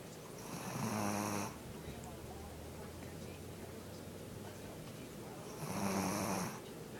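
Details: Two loud, buzzing, fluttering snores about five seconds apart, roughly twelve breaths a minute, over a steady low hum; snoring.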